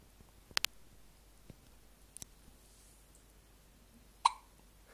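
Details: Someone hiccuping while mesmerised by a light: a few sharp, brief hiccup sounds in a quiet room, one louder near the end; hiccups.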